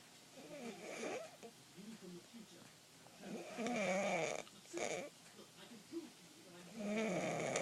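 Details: Snoring during sleep: irregular soft snorts and rough, fluttering breath noises with some squeaky voiced tones.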